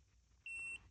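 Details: CF500 laser and stim device, select (two-arrow) button pressed while setting stimulation intensity: a single short, steady, high electronic beep over faint room noise.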